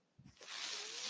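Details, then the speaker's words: The speaker's own mechanical ventilator, heard while he talks on his podcast: a brief low thump followed by a rising, steady, airy hiss as the ventilator delivers a breath. "That noise you're hearing is my ventilator."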